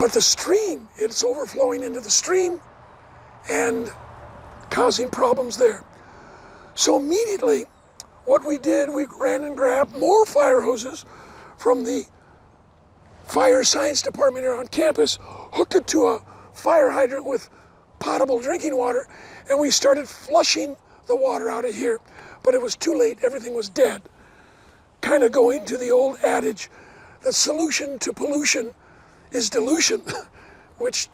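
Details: Adult male never-smoker with two bouts of vocal cord cancer, probably from secondhand smoke; one third of the vocal cords removed in 2008, leaving a raspy voice; dysphonia after partial vocal cord resection.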